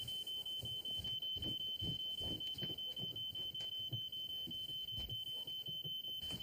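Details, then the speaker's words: Steady high-pitched electronic alarm tone with rapid repeating beeps in a small room; a seizure alarm going off in a TV drama scene. "it's nil seiz your alarm I'll get it shall I come on"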